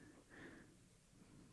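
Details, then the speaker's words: Sleeping pet snoring in a quiet room: a single low, rough snorting breath, a brief snore. "Can you hear Louis snore? Yeah. Louis, quit snoring, bug."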